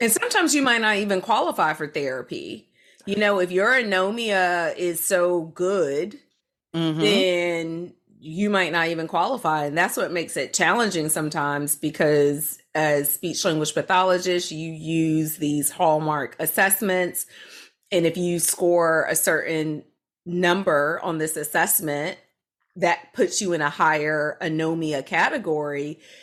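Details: Adult woman speaking; normal speech.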